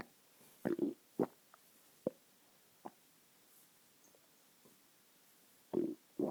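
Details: Gurgling, bubbly bowel sounds (borborygmi) in several short bursts, produced when the person pressed on their own stomach.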